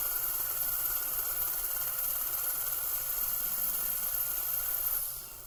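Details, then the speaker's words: Faint high whine with steady hiss, fading at the end: pilot drill preparing a dental implant osteotomy with about 3 mm gingival thickness. "so that's utilizing our contoured pilot drill the next drill we only use is a 2.3 millimeter pilot drill"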